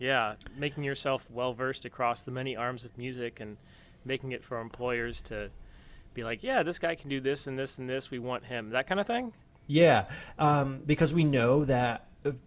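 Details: Adult male speaker; Normal conversational speech.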